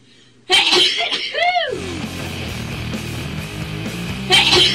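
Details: A sharp sneeze-like burst with a rising-falling vocal tail, followed by loud music.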